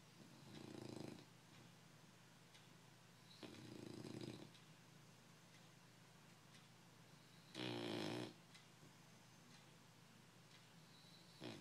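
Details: An English bulldog snoring: three loud rasping snores with quiet gaps between, about 16 a minute, over a steady room hum.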